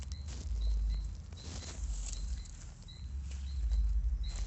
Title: horse stomach growling